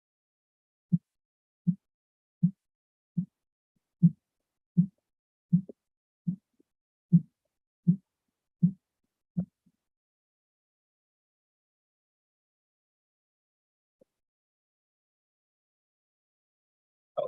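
Twelve low, regular thumps about 80 a minute appear during cuff deflation, then fade to silence; Korotkoff sounds marking systolic onset and diastolic disappearance on a simulator.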